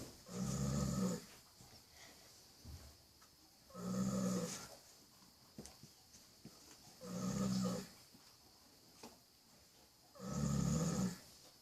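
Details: Sleeping foal (baby horse): four deep, rumbling snores at regular intervals, about 18 a minute, with quiet breathing between; snoring.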